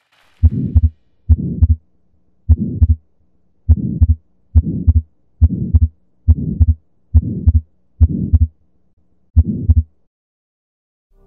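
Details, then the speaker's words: Real heart sounds: regular rhythm about 70/min with soft ejection systolic murmur and split S2, typical of atrial septal defect. "Ye e be e le potšišo ye thata, eupša re na le mo go ngunanguna ga ejection systolic ka go arogana ga S2. Ye ke go ngunanguna mo go tlwaelegilego bakeng sa sefoa sa atrial septal."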